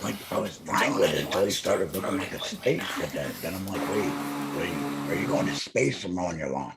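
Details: Male speaker who implies he is a laryngectomee; alaryngeal speech (laryngectomee).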